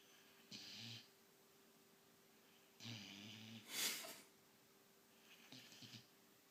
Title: white german shepherd puppy nanook snoring part 2 17 weeks old